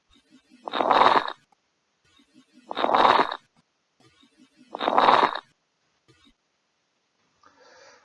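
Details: Electronic stethoscope recording for a lung-sound lecture: rough crackling breath sounds about 30 a minute, mainly on inspiration: crackles of pneumonia.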